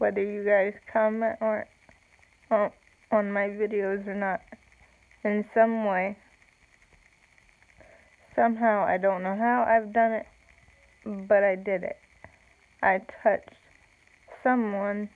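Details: Slow, halting speech with long pauses in an adult woman with cerebral palsy, real; no specific speech disorder is named.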